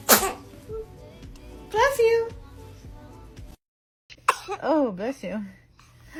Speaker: [Laughter] ah bless you got the sneeze oh my gosh you're an animal